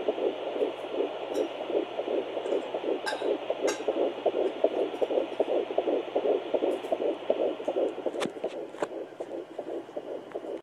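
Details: Fetal heartbeat at 11 weeks 3 days of pregnancy on Doppler: rapid, regular whooshing pulses at about 158 beats per minute.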